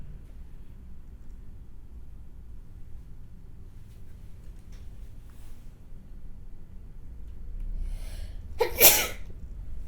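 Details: A single sharp sneeze from an adult woman after a quiet inward breath, over low room hum, in a conversation that mentions hay fever and allergies.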